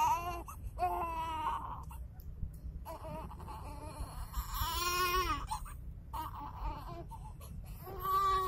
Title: My Baby Brother crying